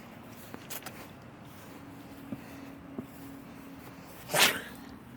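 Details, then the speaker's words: A single sharp, explosive sneeze in a quiet room with a low hum, made as part of a prank in which water is sprayed on someone as if sneezed on. "What was that? I'm sorry. I had to sneeze, like literally. You just sneezed out."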